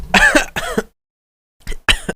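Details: Person during a livestream: two rough, voiced throat-clearing bursts, a pause, then two more; throat clearing.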